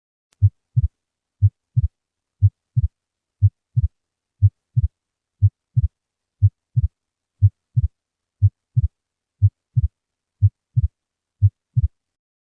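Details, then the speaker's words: Normal, unsplit first and second heart sounds recorded with a stethoscope at 60 beats per minute at the mitral area (cardiac apex), patient supine; the first sound is slightly louder than the second. "we are auscultating at the mitral valve area or cardiac apex the first heart sounds has slightly greater intensity than the second heart sounds let's listen to the normal first and second heart zones at 60 bit per minutes"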